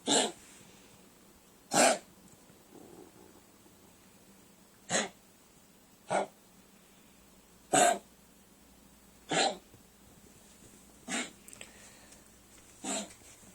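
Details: A 12-year-old Chihuahua with kennel cough gives eight short, harsh, dry coughs in repeated spasms.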